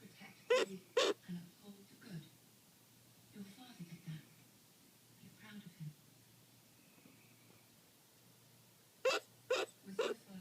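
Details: Sharp, abrupt hiccups in runs of two and three about half a second apart, with television talk in the background: hiccups.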